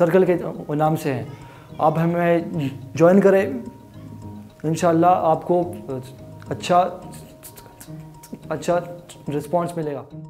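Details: Adult man with stuttering (stammering) present since childhood; he says it worsened after other children laughed at him.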